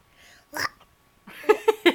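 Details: Young child saying "monster" has speech broken by short, abrupt catches, fitting hiccups.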